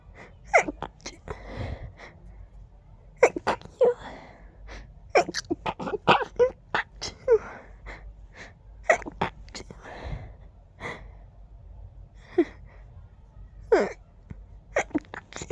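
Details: With allergies acting up, tickly urge with every breath: rapid series of many stifled, muffled sneezes with quick catching breaths between; stifled sneezing fit.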